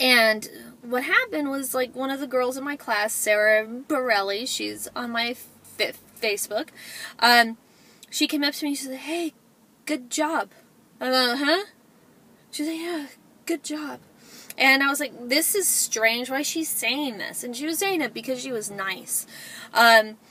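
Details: Adult woman, self-described stutterer; stuttering.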